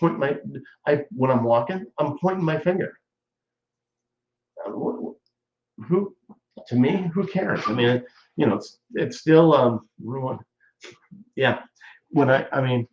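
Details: Adult male stroke survivor nearly 14 years post-stroke with ongoing speech problems, chiefly talking too fast; aphasia (post-stroke)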